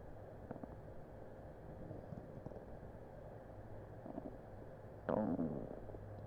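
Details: Borborygmi: low gurgling and bubbling rumbles with one louder gurgle near the end, from a really upset stomach on Christmas Eve, recorded with a Blue Snowball Ice microphone over steady background noise.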